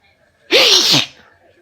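A single loud, sharp sneeze with a brief voiced onset, in a quiet room; allergic sneezing from hay fever.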